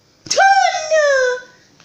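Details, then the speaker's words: Vocal tics from a person with Tourette's in hospital while waiting for an ERCP procedure. "obviously, as you can clearly tell, hospitals and Tourette's are a really interesting mix."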